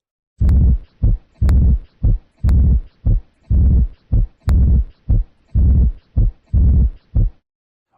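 Regular low heart sounds at about 60 a minute, with a drawn-out whooshing sound in each cycle: a diastolic murmur.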